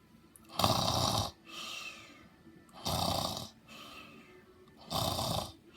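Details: Loud, rough snoring at about 28 breaths a minute, with a harsh rattling noise on each in-breath and a softer whistling one on each out-breath.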